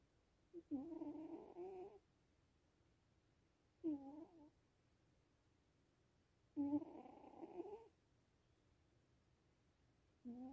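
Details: Soft, raspy snores repeating every few seconds with quiet pauses between them; gentle snoring in a sleeping cat.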